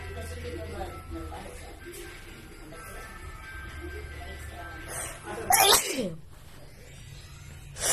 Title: Wide Nose Sneezes Philippines.